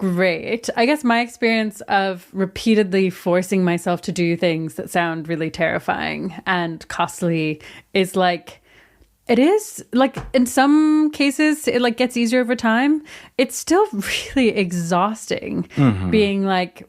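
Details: Adult woman speaking in conversation; typical speech.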